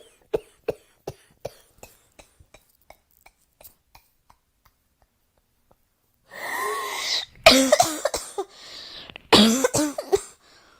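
A run of about a dozen short, fading coughs, then a long breath in and two harsh bursts of coughing.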